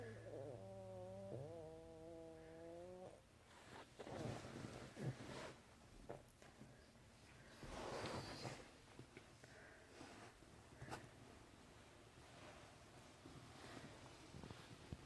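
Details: Infant boy with breathing spasms, which the poster says differ from normal hiccups or breath holding: sudden noisy in-breaths and sharp hiccup-like catches with gasping between quieter breathing.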